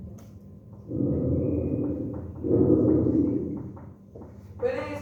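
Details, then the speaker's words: Normal (preserved) vesicular breath sounds with clear airways, soft low blowing noise rising and falling over two breathing cycles, inspiration and expiration distinguishable, then a brief voice. "Entonces vamos a diferenciar Cómo se escucha un murmullo vesicular conservado es decir que las vías aéreas estén completamente libres en este caso van a poder diferenciar por ejemplo el periodo de inspiración y de inspiración como un soplido o El paso del aire"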